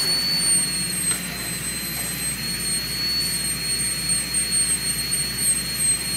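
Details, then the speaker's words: High-speed dental handpiece cutting a typodont tooth #18 for an MOD ceramic onlay preparation, smoothing the distal box: a continuous, steady high-pitched whine with hissing spray. "we're going to switch over to our high speed"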